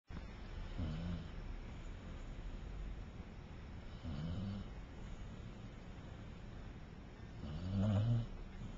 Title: Gently snoring, and still more entertaining than most Hollywood movies